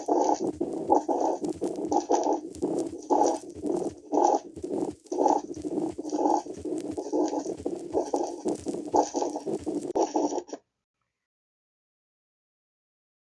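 Scratchy, leathery grating noises recur with each heartbeat at about 60 a minute, like rubbing leaves: a pericardial friction rub.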